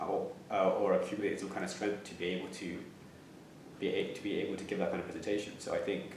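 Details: Stammering (stuttering) in a young adult man, with audible phrase repetition.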